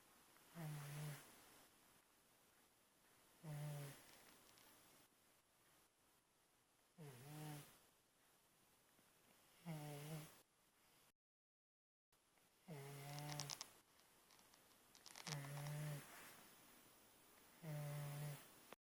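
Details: Sleep snoring: regular low, buzzing snores on each breath, about seven in twenty seconds.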